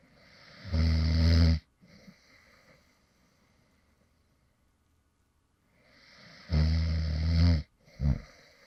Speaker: this is actually some light snoring sounds from me when I actually fell asleep in the middle of recording a previous video.